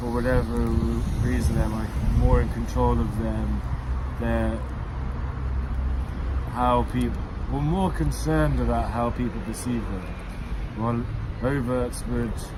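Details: Adult man who stammers, describing stammering since childhood; stuttering.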